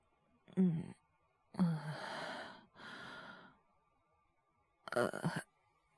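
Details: Acted, not real, cough voice by a male voice actor, part of a wordless cough/illness/hyperventilation voice collection: short voiced catch, long breathy exhale, second breath, then a quick double cough burst.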